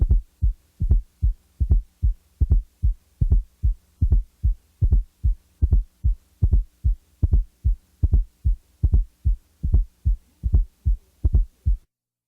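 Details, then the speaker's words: Simulated regular heart sounds at about 75 per minute, with a soft low-frequency extra sound just before S1; fourth heart sound (S4). "now listen to an actual fourth heart sound recorded from the Apex of a 60-year-old male with cardiac disease"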